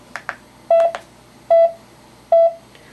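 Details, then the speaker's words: Pulse rate tone on a Zoll X Series monitor during a pulse oximetry (SpO2) demonstration: after some button tones, clear electronic beeps about 0.8 seconds apart track a heart rate near 75 a minute. "next we have the the heart rate or pulse rate tone which allows you to listen to the heart"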